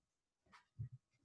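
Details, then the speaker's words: 14-year-old senior dog sneezing and coughing: a faint, sharp nasal burst followed by two low, soft huffs. "Okay, you will sometimes hear this sound, and that's my dog sneezing and coughing. I'm sorry, he's 14."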